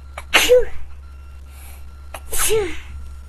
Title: Can't stop sneezing again